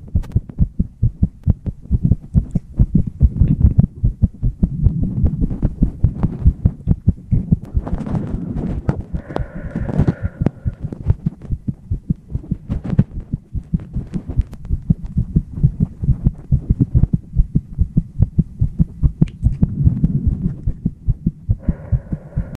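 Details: Rapid, steady low thumps of a heartbeat through a stethoscope, with brief faint tones in the background; heartbeat.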